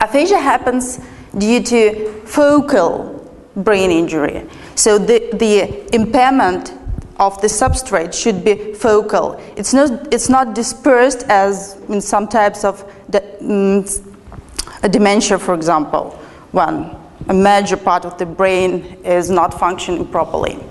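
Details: Adult woman speaking; normal speech.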